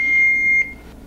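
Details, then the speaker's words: Training AED switched on beside a mannequin simulating a cardiac arrest patient in a hands-on CPR/AED demonstration: a single steady high-pitched power-on beep just over half a second long, before the voice prompts begin. "I'm going to press the on-off button, and the voice will command me what to do, okay?"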